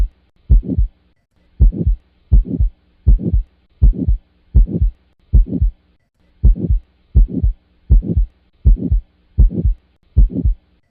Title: Heart sound || Aortic stenosis and pulmonic stenosis